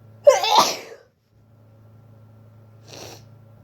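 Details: Loud, messy sneezes from a person with a cold that is hurting their throat.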